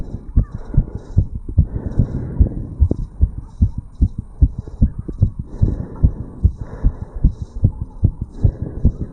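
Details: 35-year-old male's own heartbeat recorded over the tricuspid valve area after jogging uphill: quick, regular heartbeats around 150 a minute with some rubbing noise; fast heartbeat after exercise.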